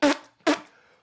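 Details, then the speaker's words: Adult man with Tourette syndrome and ADHD: two abrupt, loud bark-like vocal bursts in a quiet room, simple vocal tics. "yeah well it's funny you say that because the amount of times on radio I had to turn the mic off to tick off"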